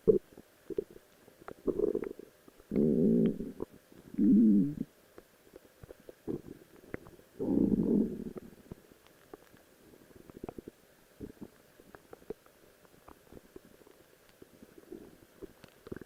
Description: Just wanted to show off my new Cosplay Outfit of Rose while my stomach is growling!